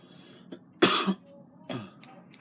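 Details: Two coughs, one strong and one weaker, over low household background noise of family and game controller.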